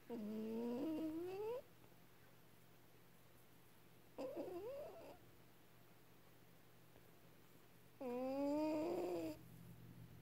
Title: Cat Snores While Sleeping!!!! #Asena